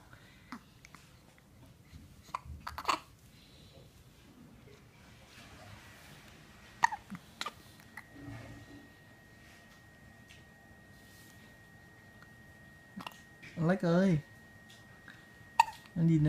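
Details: Hiccups in a 14-day-old newborn after feeding: soft, abrupt, irregular catch sounds with faint vocalizing and a brief fussy cry near the end; infant hiccups.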